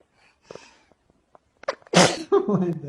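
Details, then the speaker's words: A sneeze: soft breaths build to one sharp, explosive sneeze with a brief voiced tail. "is hey [ __ ] you man sneezes so hard he breaks the chair that is so gross"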